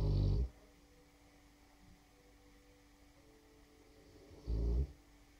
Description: ~4 year old male bullmastiff snoring. Not one of his best snores, sometimes sounds like a drunken sailor with cheeks flapping on exhale.